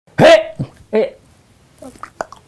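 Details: Adult voice; Phonic tics (Tourette syndrome).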